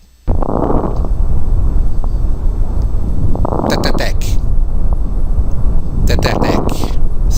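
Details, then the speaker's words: Clusters of brief, sharp, Velcro-like popping crackles from mid to late inspiration, best heard over peripheral lung regions with a stethoscope: fine crackles. "e desse modo poderão ser detectados estertores Finos os estertores finos são mais audíveis nas regiões periféricas dos pulmões é esse"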